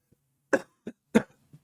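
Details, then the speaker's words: Two short loose coughs and a brief throat sound from a man with a bad cold, fever-free for 24 hours, with lingering cough and congestion, who has taken cough medicine overnight. "Still have a cough, still have some congestion."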